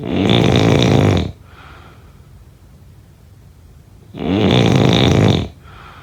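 Two loud, harsh, vibrating snores with a softer breath out after each, roughly 15 breaths a minute; heavy snoring.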